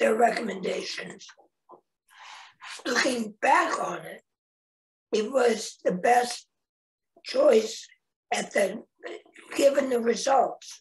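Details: Real adult man, a head and neck cancer survivor, 25 years after a total laryngectomy in 1996 at age 41, with a primary tracheoesophageal puncture and secondary prosthesis placement; tracheoesophageal speech after total laryngectomy.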